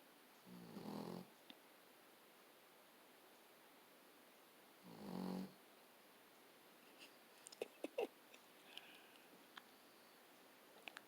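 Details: Akita dog snoring, sometimes loud enough to drown out the television: two loud, rough snores about four seconds apart in a quiet room, with faint clicks afterward.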